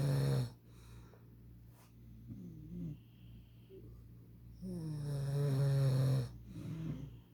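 Low, rumbling snores on two breaths with a quiet pause between; snoring.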